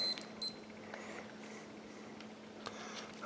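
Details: Two short high beeps as a HanrayCare blood glucose meter is switched on before a test strip is inserted, then faint handling clicks in a quiet room; the meter's power-on beep.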